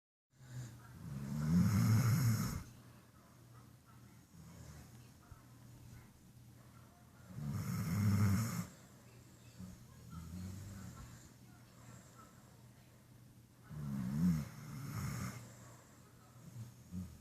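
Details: Napping dog snoring loudly and deeply, about ten snores a minute with quiet breathing between: snoring.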